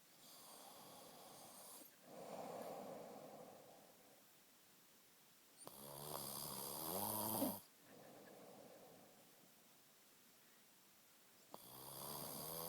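Slow alternating breaths with a coarse rattling snore on inhalation and softer exhalations, about one cycle every six seconds; ordinary snoring.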